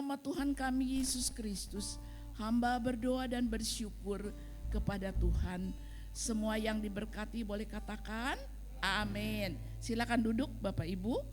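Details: Adult woman speaking; normal voice.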